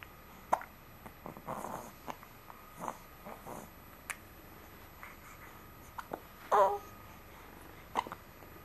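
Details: Repeated brief, abrupt hiccups at irregular intervals in a quiet room, some with a soft voiced edge; uncontrollable hiccups that occur every day.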